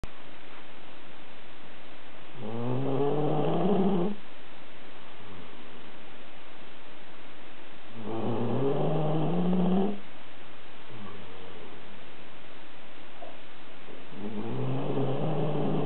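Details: Pet sleeping deeply, snoring loudly enough to be heard from upstairs: three slow, low, rumbling snores roughly every six seconds with quiet gaps; snoring.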